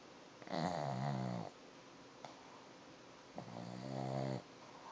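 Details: Two loud, buzzing snores on in-breaths within about five seconds from a sleeping one-eyed Boston Terrier, quiet room between; snoring.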